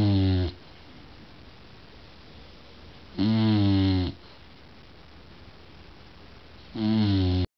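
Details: Bulldog snoring during sleep: loud buzzing snores on each breath, about 17 a minute, with quiet pauses between; regular snoring.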